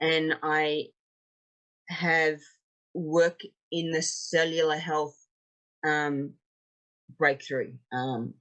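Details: 56-year-old woman with aphasia after two strokes, an ischaemic stroke 10 years earlier and a later TIA; real, not acted; aphasia.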